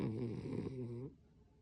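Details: Dog named Bruno, asleep and possibly dreaming; one rough, rattling snore on an in-breath, about a second long; snoring.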